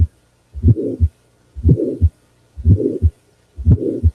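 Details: Regular heartbeat near 59 a minute, a short murmur late in systole before the second sound, mitral valve prolapse; a voice begins at the end.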